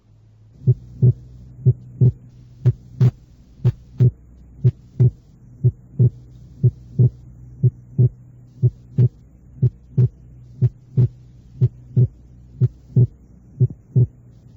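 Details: Regular heart sounds about 60 a minute over a steady low hum; second sound split in expiration, widening on inspiration: wide splitting of S2 from right bundle branch block.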